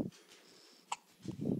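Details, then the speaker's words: Baby girl with hiccups that don't seem to bother her: a single sharp, brief hiccup in a quiet room with soft vocal noises around it. "they can't really do anything about the hiccups run their course doesn't seem to be bugging her too much the hiccups"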